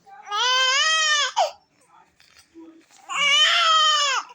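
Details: A 3-month-old baby girl gives two loud, drawn-out cries with clear pitch, separated by a brief pause with small breaths: infant crying.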